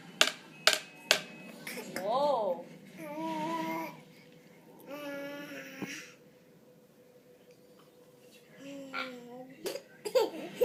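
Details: Young child laughing at her mother during a hiccup attack: several sharp, abrupt gulping hiccups mixed with giggly voiced laughter and babble in a small room.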